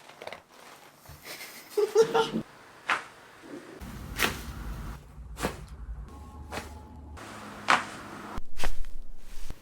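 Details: Several sharp pops and cracks in a small room: joint cavitation during chiropractic adjustments of the neck and back.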